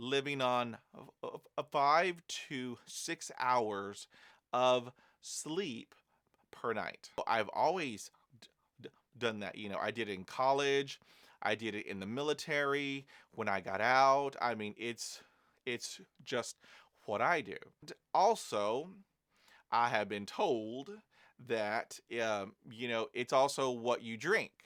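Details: Adult male who stutters, with fluency phases of better and worse speech over days to months, managed with learned tools and techniques: stuttering.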